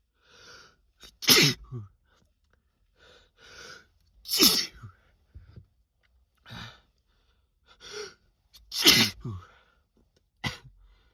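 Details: Male, sneezing induced on purpose by taking too much Chhinkni snuff, which he felt affect his head; four forceful sneezes, each preceded by quick, breathy build-up inhalations, in a quiet room.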